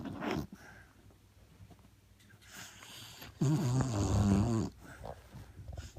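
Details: Sadie, a Beagle, asleep: a loud, rough, fluttering snore with a few softer snorting breaths in a quiet room; snoring.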